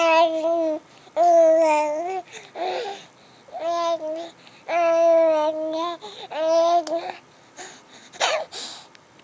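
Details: Baby recovering from bilateral vocal cord paralysis/dysfunction, vocal cord nerves recovering without medication, now starting to vocalize and talk; infant vocalization during recovery from bilateral vocal cord paralysis.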